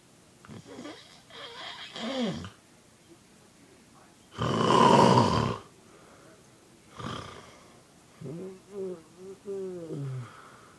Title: Snoring pig